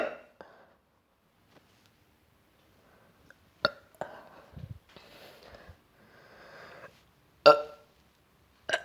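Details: Nauseous burping in someone feeling sick, with vomiting afterward: several short, abrupt burps and throaty gulping sounds separated by quiet pauses.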